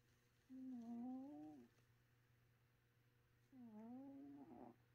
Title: My cat was snoring